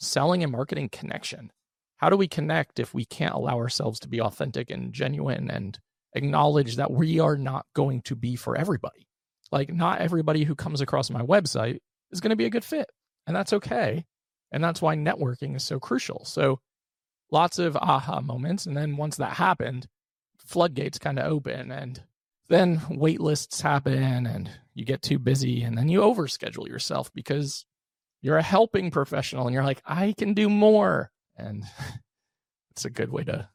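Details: Adult male with unilateral vocal cord paralysis after open throat surgery for a rare chronic recurring throat condition (endoscopic surgery 2021, recurred within 4 months); voice improved but still has vocal fry and gives out for the day once tired.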